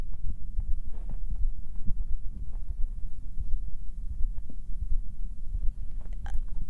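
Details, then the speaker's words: Muffled, low, thumping normal heartbeat with stomach sounds, picked up by an ASMR microphone and dominating a rumbly low background. "Okay, this is your heart and stomach sound. Inter-urine regression? So is it just that it picks up your heart sounds?"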